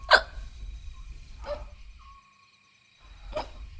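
Three short, sharp voiced catches about a second apart, with quiet room tone between them. Hiccups, acted in a TV drama scene.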